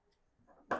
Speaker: Bless you. What a tiny kitten sneeze.